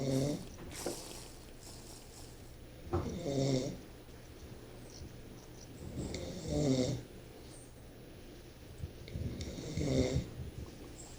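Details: Person sleeping: regular rough, rattling breaths, roughly 18 a minute, likened to a pig, over steady room noise; snoring.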